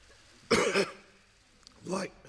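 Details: Adult male politician speaking in Parliament, 15 minutes into a 30-minute speech, later self-isolating and tested for Covid-19: two rough, voiced cough bursts separated by a pause, a coughing fit that temporarily cost his voice.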